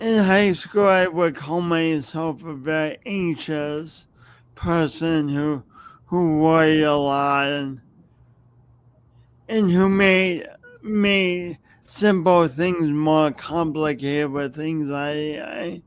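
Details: Stuttering (speech impediment) in an adult man who has lived with it for many years and says everyone hears it whenever he speaks.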